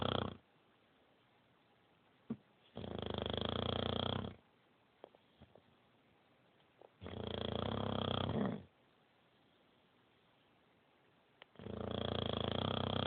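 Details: Female dog asleep; loud rattling snores about 1.5 seconds long, separated by quiet pauses of roughly 3 seconds. Snoring.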